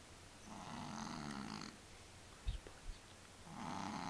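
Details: Cat snoring in deep sleep: soft rhythmic rattling snores on slow breaths with quiet pauses between; ordinary cat snoring.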